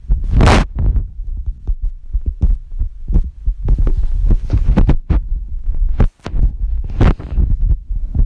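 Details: Adult woman's own heartbeat recorded with a phone app on her chest, boyfriend worried it sometimes sounds abnormal: low muffled heart thumps with loud scratchy phone-rubbing bursts; beat spacing seems uneven in places.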